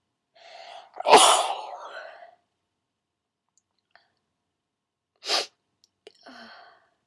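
One loud, wet sneeze with a sharp in-breath before it, then a smaller snort-like burst and a brief sniff.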